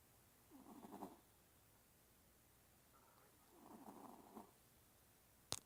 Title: Gidget snores!!!